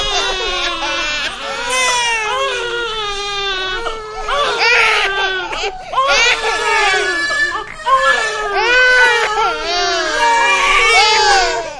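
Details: Stock sound effect of a baby crying: loud, steady infant crying in long wailing bursts with brief breaths between them.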